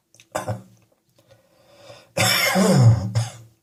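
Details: Two harsh, deep coughs separated by a quieter throat-clearing sound, low, rough and chesty, with a hot chest and throat on a cold day; chesty cough.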